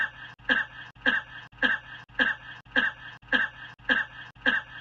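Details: Regular evenly spaced short cough bursts, about 105 per minute, each a sharp throat-clearing bark with slight voiced tail.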